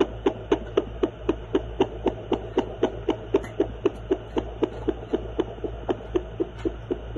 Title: Great Dane puppy heartbeats